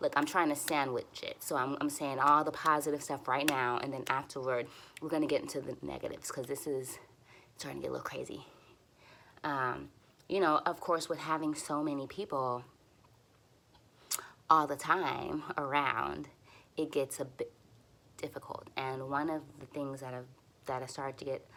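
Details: Stuttering in an adult woman who uses easy onsets, light contacts and voluntary stuttering for nearly fluent speech; she is frustrated and tense here and says her stutters are a little long.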